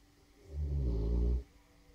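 A single loud, deep, rumbling snore lasting about a second, then quiet.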